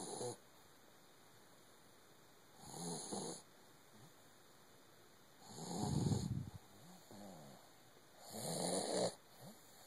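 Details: Soft, rough snoring from a sleeping Doberman puppy with each breath, about 22 a minute, with quiet pauses between; ordinary sleep snoring.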